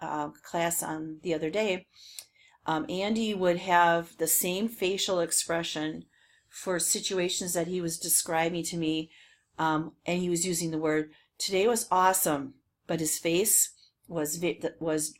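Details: Adult woman speaking; normal speech.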